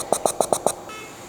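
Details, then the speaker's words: Sovant supplemental oxygen delivery device with nasal cannula, in a demonstration of a simulated obstructed patient airway: five quick puffing pulses as it stutters trying to deliver oxygen. "Now, let's say instead your patient's airway has become obstructed. The respiratory waveform will look something like this, and you will hear a stuttering sound as the savant attempts to deliver oxygen."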